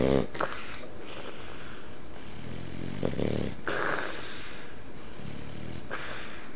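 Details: French bulldog in deep sleep with eyes half open: loud snuffling snores on each breath over a steady background hiss.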